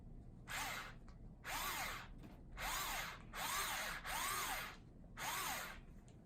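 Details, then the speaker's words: Bone marrow biopsy of the hip bone in a patient with acute lymphoblastic leukemia after induction, under local numbing: six short whining bursts of a powered drill rising and falling in pitch as the biopsy needle advances into bone. "That's the part where it's kind of like dental work as I sit it on the bone. Pressure. That's where you hear a little drilling noise."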